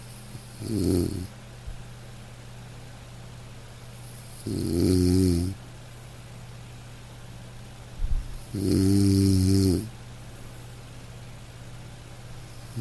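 Low, buzzing snores on inhalation, about 14 a minute, over a steady background hum.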